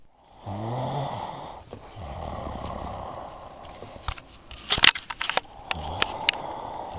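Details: Snoring during sleep: long, rough, low fluttering sounds on breathing in, separated by a burst of rustling noise.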